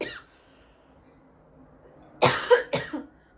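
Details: Pregnant woman coughing: a brief run of three dry adult coughs, attributed to throat irritation.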